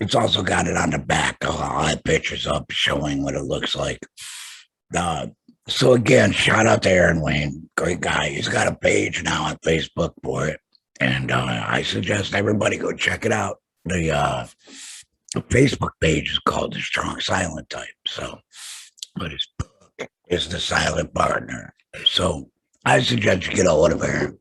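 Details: Alaryngeal speech, tracheoesophageal voice prosthesis mentioned, in an adult man after total laryngectomy for throat cancer, vocal cords removed.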